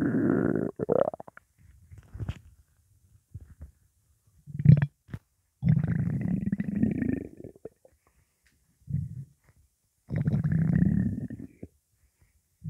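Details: Stomach rumbling from a hungry, empty belly: loud, drawn-out gurgling growls separated by quiet pauses.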